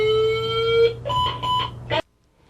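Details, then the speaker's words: CPR training demonstration: automated external defibrillator with pads attached detects a shockable rhythm, announces shock advised and charges automatically. A steady electronic tone, then short beeps and a cutoff. "재 3동 이 필요한 경우라면 제세동 이 필요합니다 라는 음성 또는 화면 메세지와 하게 자동제세동기 수수로 제재 동 에너지를 충전합니다"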